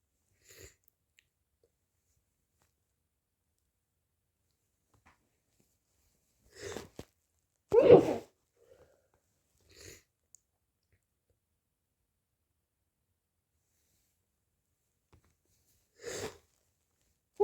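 Several short, sharp bursts separated by silence, with a longer blowing sound among them; repeated sneezes and nose blowing.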